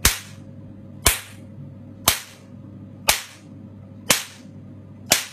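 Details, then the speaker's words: Picosecond Nd:YAG/755nm tattoo-removal laser machine with four interchangeable heads including 1064nm, spot size 1–9 mm, firing: sharp loud snapping clicks about once a second, six in all, over a low machine hum. "Đây là laser Picosure. Đây là gọi là super laser Picosure ND rắc."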